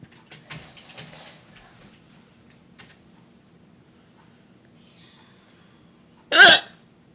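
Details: Single loud, abrupt hiccup in a quiet room with faint rustling, during a recurring bout of painful hiccups that hurt and shake the body.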